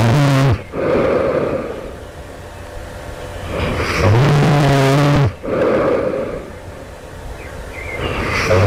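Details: Loud, harsh, roaring snores right before awakening, about 14 breaths a minute, with a rough rattling throat vibration on long breaths; the snorer wonders if this is developing sleep apnea.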